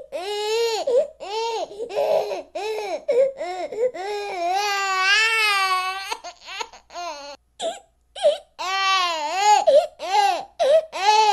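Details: Loud, sustained rhythmic crying with sobbing breaths between wails from a young child, from a ten-hour baby-crying recording with background music.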